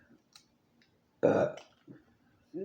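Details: Single loud, throaty burp in a quiet room during a spicy, messy fufu seafood boil mukbang, with faint eating sounds before and after; belch (eructation).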